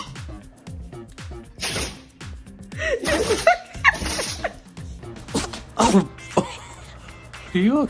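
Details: Dog sneezing repeatedly: several sharp, explosive nasal bursts over background music and talk.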